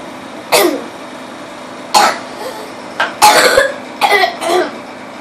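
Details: About five short, harsh cough bursts, some in quick pairs, with steady room noise; a woman coughing, described as choking.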